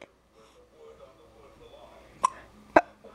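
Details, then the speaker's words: Young girl who often gets hiccups: two sharp, abrupt hiccups about half a second apart over quiet background murmur; hiccups. "what why you got the hiccups you got the hiccups are you going to stay out of the liquor"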